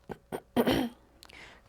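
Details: Patient during a chiropractic exam in an ASMR roleplay: two short soft throat sounds, then one louder single cough, then faint room noise; an ordinary isolated cough.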